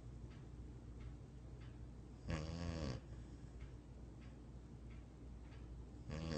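Low rumbling breathing with two louder snorting snores over a steady low background; a dog snoring.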